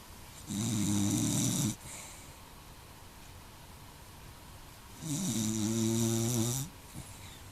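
Two loud, rattling snores about four seconds apart, each lasting over a second, with a quiet pause between them. Snoring.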